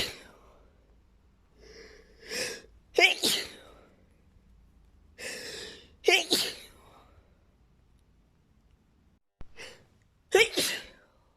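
Three sneezes in a row, each a short indrawn breath followed by an explosive burst; a sneezing fit.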